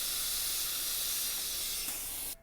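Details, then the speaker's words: Dental handpiece with a 12-fluted carbide bur finishing and polishing a composite filling: a steady high-pitched hiss and whine with water spray, stopping abruptly; the patient reports no pain, only cold water. "This is a Midwest 12-fluted carbide burr, which is generally used in the finishing and polishing of composites. Does not harm the tooth structure."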